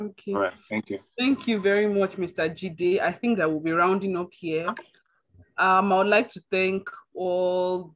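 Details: Adult male speaker; normal speech.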